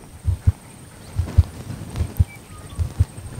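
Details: Heartbeat of a female Border Collie born in November 2014, recorded while she is told to lie down and stay still. Soft paired thumps, about 75 a minute, with somewhat uneven spacing over a faint hiss: normal heart sounds.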